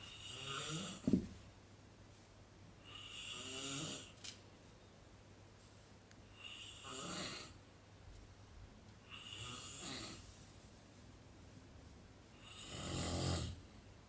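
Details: Person snoring in a hostel: irregular snoring with a sharp snort at the start, then repeated rough, raspy breaths roughly every three seconds in a quiet room.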